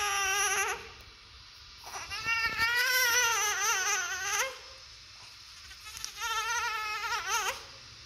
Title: New Silent Baby Born.If Baby Born in 32 to 34 Week's is Called Baby Asphyxia.Now Baby in Incubator